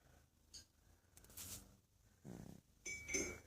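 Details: Female cat napping and snoring softly, with quiet rattly breaths rising and falling in a small room.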